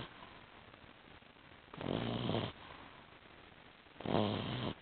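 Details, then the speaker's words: 8-week-old female puppy asleep, dreaming: two soft, rough snoring breaths about two seconds apart with quiet room noise between; ordinary snoring. "She's only 8 weeks and already she's snoring."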